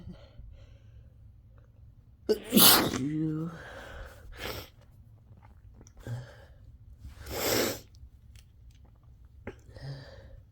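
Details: Messy self-induced sneezing fit after one natural sneeze: a forceful sneeze with a voiced inward gasp, a second sneeze, then softer sniffs and breaths.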